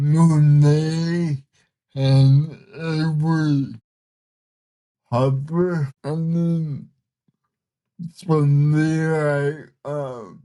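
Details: 32-year-old man with cerebral palsy whose body resists him, making communication hard at times; listeners found him hard to understand at first; dysarthria.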